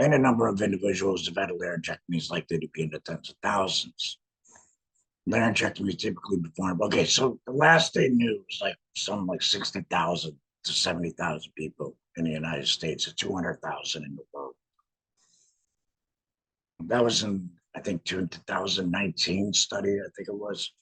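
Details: Adult laryngectomee speaking with a voice prosthesis in a tracheoesophageal puncture, pushing trapped air up through the prosthesis to vibrate muscle; tracheoesophageal speech after laryngectomy.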